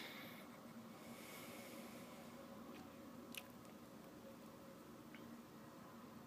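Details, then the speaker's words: Normal bowel sounds on abdominal auscultation, listened to quadrant by quadrant with patient relaxed; soft, brief gurgles and clicks at a moderate pace, not too fast and not too slow. "I hear really nice bowel sounds that are not too fast and not too slow"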